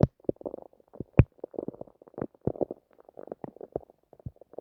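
Rapid irregular gurgling and squelching bursts with a few louder pops; ordinary stomach growling from gut movement.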